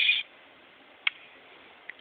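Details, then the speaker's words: Hiccups in a cat: a short high squeak followed by brief, sharp hiccup clicks in a quiet room. "You got the hiccups."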